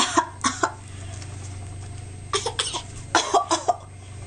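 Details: A young child gives three short bursts of deliberate, imitated coughing on request, about eight coughs in all, before being tickled: voluntary (fake) cough.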